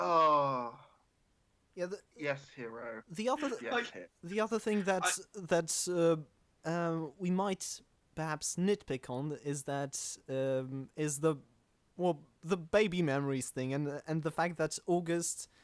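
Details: Stuttering in a male podcast host who calls himself the stammering host; his co-hosts do not stammer.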